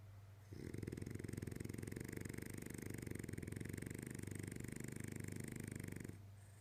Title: Valentina the Frenchie snoring